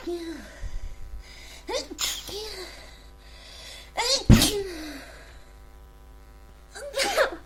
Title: Congested Cold Sneezing